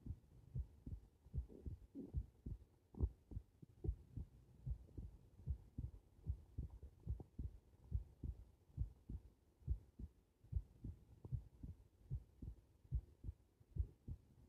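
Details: Heart recorded lying on the back: regular low thumps at about 71 beats a minute; normal heart sounds.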